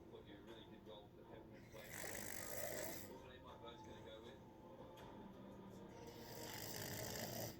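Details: Loud, rough snoring sounds rising and falling with the breaths, over a noisy background: ordinary loud snoring.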